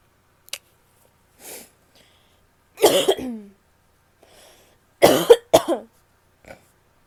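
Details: Coughing with some spitting from a female.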